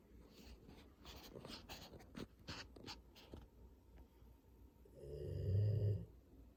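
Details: Pit bull dog asleep after playing ball: quick, snuffly breaths, then one long, loud, low rumbling snore; snoring.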